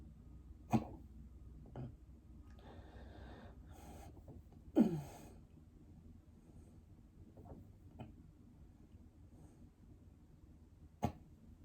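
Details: Bout of 22 hiccups: sudden short catches of breath at irregular intervals, some with a quick vocal squeak.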